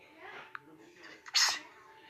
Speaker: so today we're gonna be watching the funniest and annoying sneezes ever.